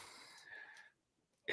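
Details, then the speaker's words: A dog's harsh, wheezy, rasping cough, then a brief pause and a sharp short burst; the dog has a heart condition, cough in canine heart disease. "And I'm sure the lady's coughing. Well, at least it doesn't say lady choking."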